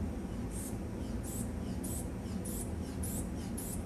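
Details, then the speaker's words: After the valve is tightened, a hand squeeze bulb pumps up a blood pressure cuff toward 200 mmHg: six rhythmic hissing puffs of air, about one every 0.6 seconds, over room hum. "And then he tightens up the valve. Then he begins pumping up the blood pressure"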